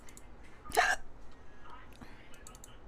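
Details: Streamer with hiccups, who says hiccupping hurts: one sharp, abrupt hiccup with a voiced catch, followed by quiet breathing and faint keyboard clicks in the background.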